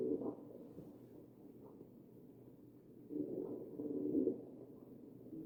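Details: Wheezing heard on chest auscultation of a real ventilated patient (sample 2).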